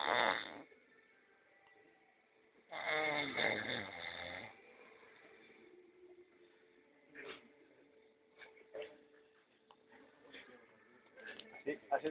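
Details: Two loud, rattling snore sounds separated by quiet, then faint scattered noises in a small room; snoring, possibly imitated.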